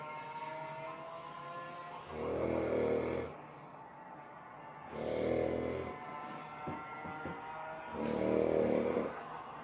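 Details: 28-year-old man asleep in his dinner after taking Xanax: loud, rough, rattling snores on each breath, about 20 a minute, with faint background music; heavy snoring.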